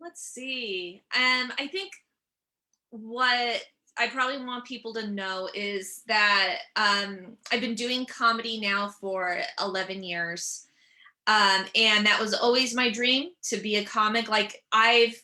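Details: Stuttering in an adult woman whose stuttering began at age seven or eight; she also has dyslexia.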